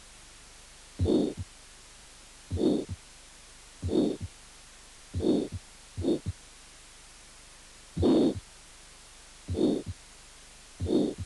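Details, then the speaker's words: Aortic stenosis: harsh systolic murmur grows louder after the long diastolic pause following an extrasystole. "una pausa diastólica larga 2 extra sistólica el soplos de la estenosis aórtica aumenta de intensidad"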